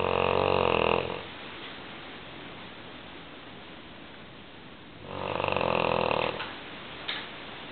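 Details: English Mastiff, female, snoring loudly in sleep: two loud, rattling snores about four seconds apart, with quiet breathing between them.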